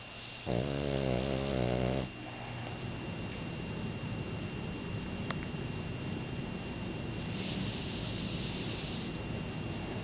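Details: Boston Terrier snoring in sleep: one loud rattling snore, then steady breathing noise in a quiet room.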